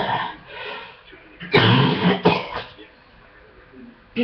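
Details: Adult catching a chest cold: two loud, deep coughs with some throat clearing; chesty cough.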